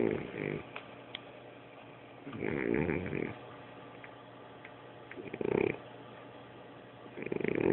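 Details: A cat snoring: three rough, low snores on breaths about two to three seconds apart, with quiet pauses between them.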